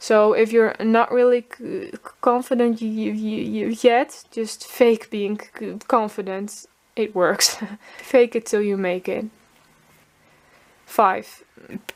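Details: Speech of a Dutch woman, a former covert stutterer who hid her stutter and now lets it show openly, also stuttering voluntarily with new people. Stuttering.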